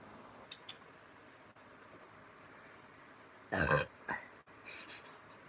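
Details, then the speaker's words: Young woman burping after tasting an alcoholic drink: a brief, rough, guttural burst over quiet room noise, then a softer one; belch. "oh my God excuse me no this one's making me burp"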